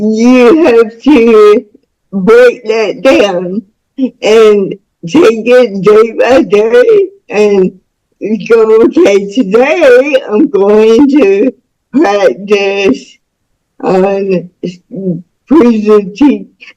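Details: Woman about to turn 49 with spastic cerebral palsy since birth, which she attributes to being born with the umbilical cord around her neck five times; real, unacted speech; dysarthric speech (cerebral palsy).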